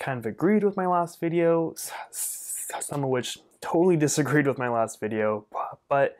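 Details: Adult male speech-language pathologist who stutters and does not regard his stuttering as a disability in his own life; stuttering.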